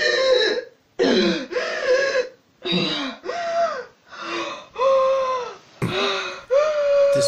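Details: Woman in severe bronchospasm, possibly allergic/anaphylactic, around treatment with 0.3 mg epinephrine 1:1000 via EpiPen: rapid breaths about 33 a minute with musical whistling on inspiration and expiration, breathing easing; inspiratory and expiratory wheezing.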